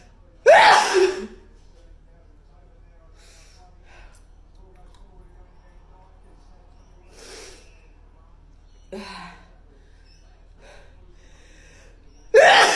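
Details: Hay fever season: two loud explosive sneezes, one near the start and one at the end, with a softer sniff-like burst between, over quiet room hum.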